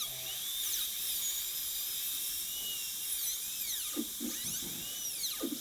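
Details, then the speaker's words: High-speed dental drill cutting dry on a model tooth #18, dropping the proximal boxes with tapered axial walls in a gold onlay preparation: high-pitched whine dipping in pitch under load. "so we're going to drop this remember the the axial wall of these boxes has to taper"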